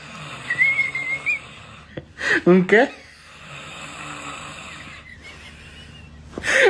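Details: Snoring in a quiet room: a thin nasal whistle on the breath, then loud, rough snorting bursts, then the whistle again.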